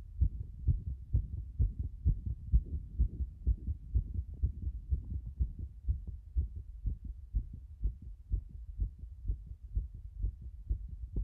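Fast, regular low heart sounds at about 125 beats a minute, a rapid heartbeat.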